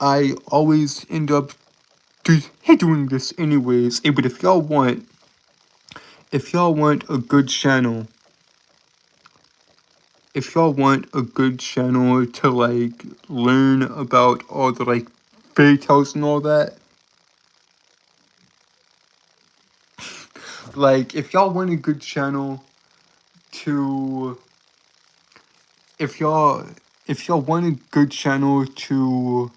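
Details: Man who reports a speech impediment causing stuttering. Finding: stuttering.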